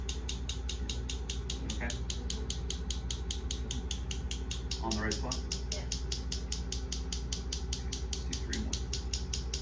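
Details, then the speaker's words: Steady rapid clicking pulses, about 150 a minute, with brief quiet voices: focused shockwave therapy to a marathon runner's hamstring injury site during active range-of-motion loading. "go ahead we're going to have her go through kind of an active range of motion active loading into the tissue as we're delivering some of the shock wve into uh the area where she had the original injury"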